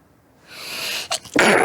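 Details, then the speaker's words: Single acted sneeze in a skit by a person describing chronic rhinitis worse at the change of seasons: rising breathy intake, then a sharp explosive burst. "저 만성 비염인데 환절기 때문에 좀 더 심한 거 같아"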